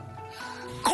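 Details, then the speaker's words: Barking, dog-like cough with slight hoarseness and mild stridor, indicating upper airway obstruction, e.g. acute laryngitis or allergic laryngeal angioedema. "嗽的声音，有点嘶哑的声音，而且带有一点轻微的喘鸣，像这小狗叫一样，这是犬吠样咳嗽。听到这种咳嗽的声音的时候，要指向一个病，指向上气道的梗阻。"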